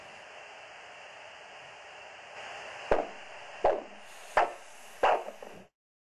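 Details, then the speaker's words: Ankle-brachial index measurement for peripheral arterial disease: a handheld Doppler probe over the ankle artery (dorsalis pedis) while the cuff slowly deflates; arterial flow signal returns at ankle systolic pressure. "then slowly deflate the cuff until you hear the sound of the systolic pressure and record it"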